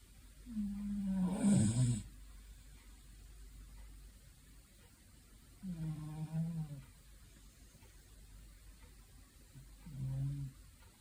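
Low, buzzing snores from a sleeping cat come with each breath, about 13 a minute, fairly loud for its size.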